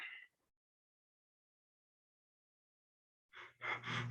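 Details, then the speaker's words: Cheyne-Stokes breathing, described as resulting from cardiac damage: a long silent apneic pause followed by breaths growing gradually louder and deeper, then decreasing, the apnea-then-crescendo pattern. "sin embargo el patrón de james top es un momento gradual seguido de una disminución gradual y así es como se escucha"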